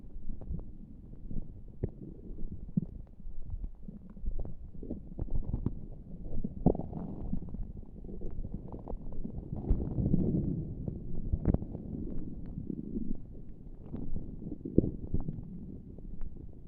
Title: Not pressing on my tummy for making noises for you 🫶